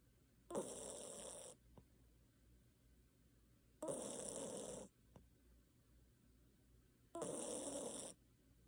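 Three raspy snores on breathing in, about every three seconds, with quiet pauses between; snoring during sleep.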